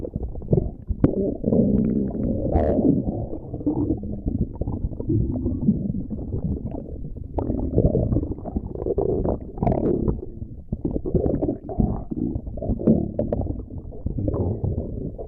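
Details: Continuous low, rumbling gurgles that rise and fall in loudness throughout; ordinary stomach growling.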